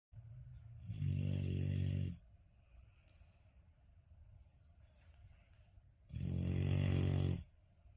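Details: Golden retriever snoring very loudly: two long, deep, rumbling snores about five seconds apart with quiet breathing between, during sleep. Snoring.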